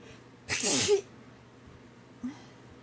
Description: I really sneezed a lot as soon I waked up / Every day is like this